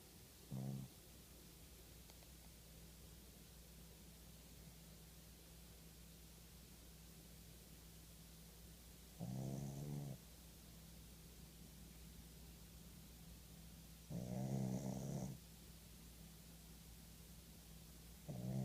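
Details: Slow, spaced loud rattling snores from a sleeping, very tired pug over steady room hum, about four breaths in eighteen seconds: snoring.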